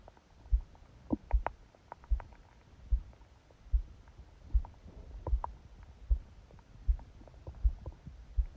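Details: Bowel sounds recorded by a phone held on the abdomen under a book during sleep: faint scattered gurgles and clicks over a strong, regular heartbeat at about 77 a minute, loud and fast possibly from the pressure.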